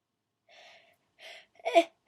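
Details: Requested loud wet sneezes, performed on request: two quick in-breaths build up to one short sneeze.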